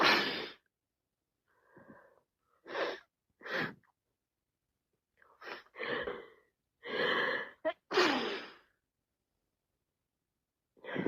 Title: Wet cold sneezing and sniffles more sneezing after 3 mins